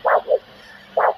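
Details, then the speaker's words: Handheld Doppler probe at 45 degrees to a foot artery, volume at full, in a foot vascular assessment OSCE demonstration: a whooshing pulse in a repeating pattern of one sound closely followed by two more, a normal healthy triphasic arterial signal. "you can hear three Sounds here you've got to listen very careful you've got one sound and then two sounds that follow quite closely so it's wash"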